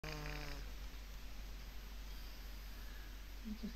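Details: Sleeping cat snoring: low, steady rumbling snore, with brief television voice or music (The Shining playing) at start and end.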